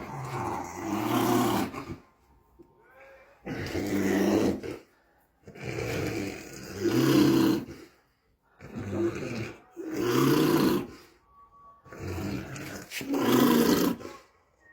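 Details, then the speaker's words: Female patient with a generalized tonic-clonic (grand mal) seizure, face turning blue, turned onto her side: loud rasping, snoring-like laboured breathing, about 20 per minute, with grunting as her colour starts returning. "Kry sy asem. Ja, sy begin bietjie bykom met kleur."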